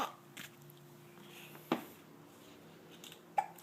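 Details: Six-month-old boy with hiccups: short, sharp little catches recurring every second or two in a quiet room.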